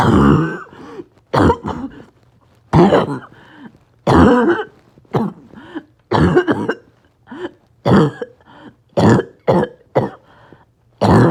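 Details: Choking, barking coughing spasm in a person with COPD and low oxygen: repeated harsh coughs in back-to-back spells with strained gasping between bursts and extreme shortness of breath.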